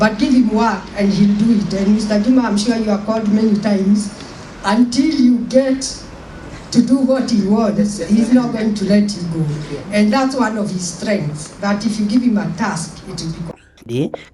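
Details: Adult woman speaking; ordinary speech.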